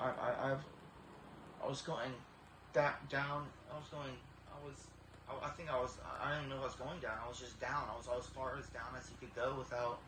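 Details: Young man with 20-year history of severe Tourette syndrome, deep brain stimulation at about age 12–13, tics much improved but vocal tics and throat clearing persist; Tourette syndrome.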